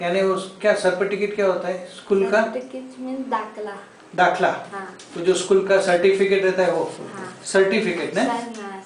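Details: Stuttering; the owner describes the speech as not clear.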